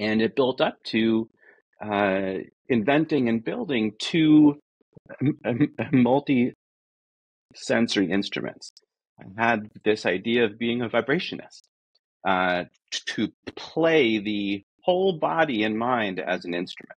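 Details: Adult man who says he is a person who stutters and that his disfluencies are simply how he talks, not a recording glitch; stuttering.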